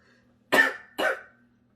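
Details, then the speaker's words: Adult who reports coughing often lately gives two short, sharp cough bursts in quick succession over a low steady background hum; cough. "If I cough at any point, I'll try to grab it on video just to show you how much and how I cough, how often, just to give you a perspective of how bad this is."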